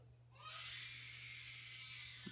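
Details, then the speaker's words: Infant crying in the background during a podcast recording: a sustained, high-pitched wail rising after a brief pause, over a steady electrical hum. "I got a baby crying if you can't hear that sheesh"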